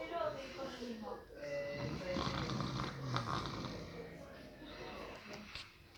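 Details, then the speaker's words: An adult uncle snoring while asleep at night at home, recorded by a relative to show how he snores. "Ana, hoy estoy en la casa de mi papá y he escuchado a mi tío roncar, dormir, y miren cómo ronca esta noche."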